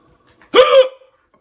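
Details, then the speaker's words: A single sharp, voiced, gulping hiccup in a quiet room, from a person with persistent, out-of-control hiccups while cooking; holding their breath, which usually works, has failed, and they feel like throwing up. "I'm going to throw up if I keep hiccuping like this what is the deal with this I usually as soon as I get a hiccup I can like hold my breath and then it goes away"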